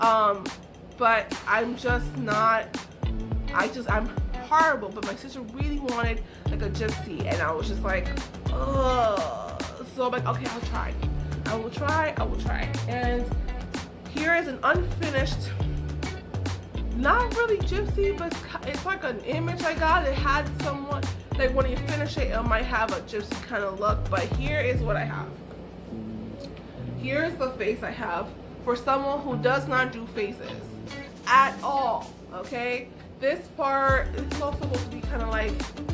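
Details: Adult woman with aphasia caused by a stroke, which left her unable to talk, write or paint.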